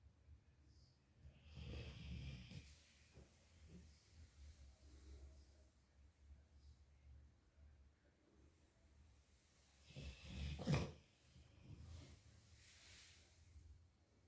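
Soft, irregular snoring breaths with an occasional louder snort from a sleeping dog, in a quiet room.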